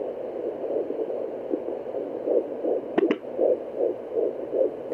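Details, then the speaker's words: Home fetal Doppler in an IVF pregnancy at 13 weeks 4 days: fast, regular whooshing fetal heartbeat near 158/min, within the stated normal 140–160 range; the signal may mix in another sound. "usually a good heart rate is around it's something between like 140 to 160 oh it's quite fast"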